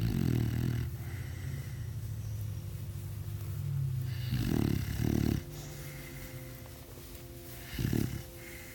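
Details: Dog snoring, recorded May 1 2017: low rumbling snores in about three irregular bursts over a steady background hum.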